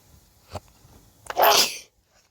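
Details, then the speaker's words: A faint sniff, then a short inward breath and one sharp, explosive sneeze, followed by quiet: a single sneeze from a person who is sick. "Sorry, I got sneaks real quick. So sorry, I'm sick."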